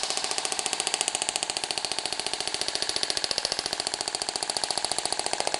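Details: Radial shockwave therapy handpiece treating fibrotic cellulite in a positioned patient with gel applied: rapid, steady sharp clicking pulses, about 214 a minute, until the set pulse count is delivered and the device stops automatically.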